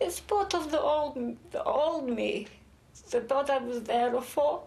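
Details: Foreign accent syndrome in an adult British woman, acquired after cerebral vasculitis brain injury.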